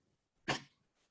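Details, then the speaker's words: Tiny 3-pound dog coughing after eating a milk-chocolate weed brownie; a single short, harsh burst of air in a quiet room. "Oh, yes, we can hear the coffee. Aww. What's going on? That's pitiful. There you go. That is the after effects of having a weed brownie."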